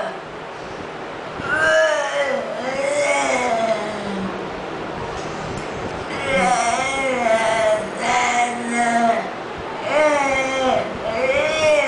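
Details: Patient with amyotrophic lateral sclerosis (ALS) and mixed dysarthria with spastic features, singing Happy Birthday on the therapist's request in a speech therapy session.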